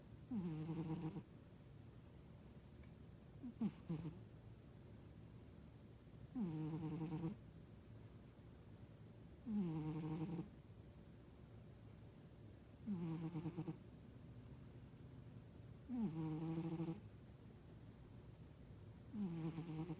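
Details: Regular low, rumbling snores about every three seconds (roughly 19 a minute) from a sleeping cat, at first mistaken for a husband snoring; soft chirping in the background.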